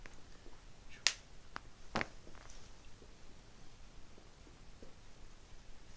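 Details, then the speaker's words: Chiropractic thoracic adjustment at T2 on the left, between the shoulder blades, in an ICU nurse with low back pain, lying relaxed and exhaling: a couple of sharp, quick pops, a normal spinal joint cavitation. "And so what I basically found, we're going to adjust this segment right here, T2 on the left."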